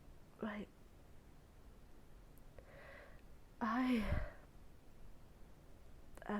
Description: This video has allergy stifles, some forced holdbacks (by my nose lol) and a moderate amount of congested sneezes.